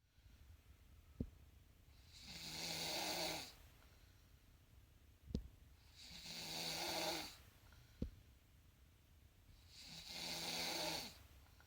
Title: Snoring queen